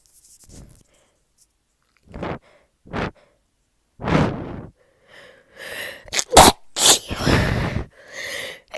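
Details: Person with cold/flu, congested and stuffy, with fever, sore throat, cough and constant sneezing: run of about eight forceful sneezes with sharp intakes of breath, quiet room; repeated sneezing.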